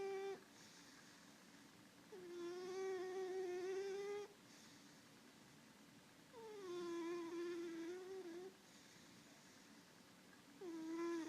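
A sleeping cat makes a soft, squeaky, whistling tone with each slow breath, about 15 a minute. Nasal snoring.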